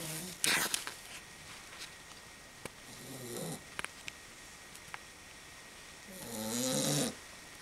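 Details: Two long, rough, rattling snores with quiet gaps between and faint background clicks; snoring.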